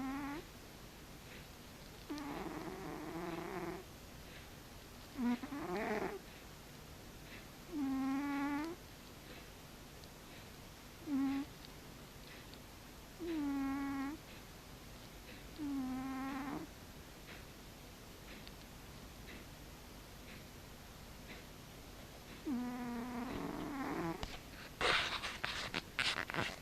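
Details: A sleeping cat makes soft, tonal, whistling snores at uneven intervals against quiet room noise; cat snoring.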